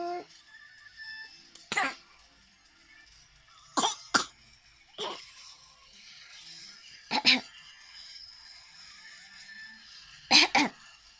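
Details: Young boy coughing: six short, dry cough bursts, single or in pairs, over quiet room noise.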